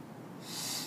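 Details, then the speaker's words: Manual resuscitation (Ambu) bag ventilation through a tracheostomy for hyperoxygenation at 15 L oxygen, FiO2 100%, before suctioning in a demonstration: the first of five breaths, a soft hiss swelling into a rush of airflow. "so I'm going to take my amboo bag remove this here connect it and then five breaths one"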